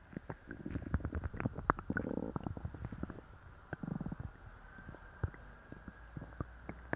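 Repeated gurgling and bubbling rumbles from the belly, some prolonged: loud, active bowel sounds (borborygmi) after a laxative.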